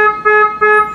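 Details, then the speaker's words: Loud, steady two-part electronic tone repeating about every third of a second: an ICU ventilator alarm in CPAP/spontaneous mode, triggered when a respiratory therapist breathing on it took too shallow a breath against tightly set alarm limits. "it's the same thing that just means that all breaths are going to be spontaneous breaths i was taking too shallow a breath there the vent was letting me know"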